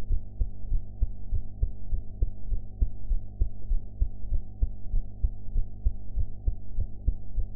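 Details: Own heart sounds recorded after eating, quality enhanced: regular low thumping heartbeat near 98 beats a minute over a steady hum; ordinary heart sounds.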